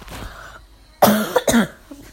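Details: Two sharp, harsh cough bursts in quick succession after a short quiet pause, followed by a faint throat sound; a coughing blooper.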